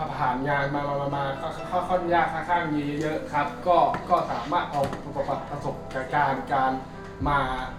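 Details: Acted stuttering in a Thai short film: a male job applicant, called a stutterer by his friend, speaks with repetitions at a job interview; stuttering (acted).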